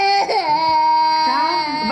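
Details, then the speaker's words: A 10-second AudioSet clip labeled baby crying and speech: a sustained, high-pitched infant cry with a steady wailing tone, briefly broken by a catch of breath; infant crying. "this sound wave file was labeled baby crying and speech so this is a multi-label data"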